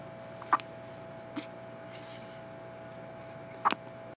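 A few brief, abrupt hiccup sounds a few seconds apart over a steady room hum; infant hiccups.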